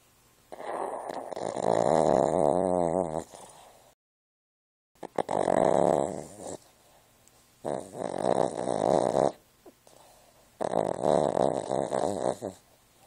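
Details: Four loud, rattling snores from a sleeping pet at roughly 18 breaths a minute; snoring.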